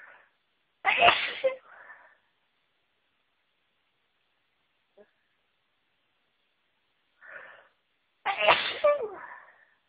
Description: There is a certain flower that always makes me feel really sneezy and I was around them today.... achoooo, achoooo, achoooo!!!!